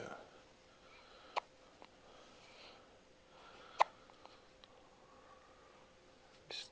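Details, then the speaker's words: Baby with hiccups after eating: sharp, isolated hiccup clicks roughly every two to three seconds in a quiet room. "Oh, you got the hiccups. Yeah, he's such a baby."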